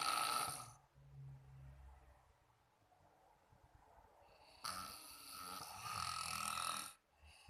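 Loud harsh rattling snores on inhalation with a quieter gap between, a typical snoring pattern.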